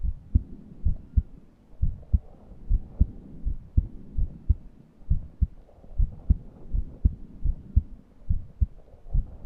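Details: Steady paired heartbeats at about 65 a minute with faint breathy noise between them; the person was short of breath and could not breathe deeply. Wheezing with heart sounds.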